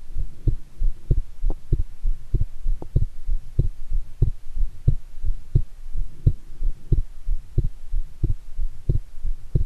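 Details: Own heart sounds recorded after taking a shower, with anticipation of an upcoming heart-themed TV programme: loud, strong, regular thumps at about 90 per minute with a faint hum behind them. Forceful heartbeat.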